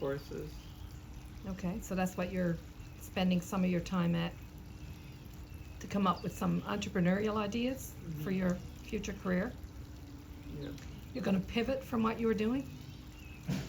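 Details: Adult speaker; ordinary speech.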